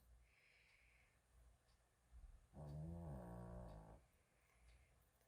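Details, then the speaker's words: A single loud, low, rumbling snore from a sleeping pet dog, with quiet room noise before and after. "그 와중에 우리 집 당첨이가 코를 열심히 골면서 자고 있네요. 코 고는 소리 들리시죠, 선생님들?"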